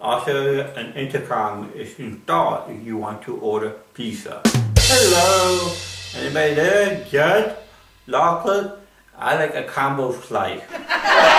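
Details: Adult man with cerebral palsy performing comedy in English: dysarthria (cerebral palsy).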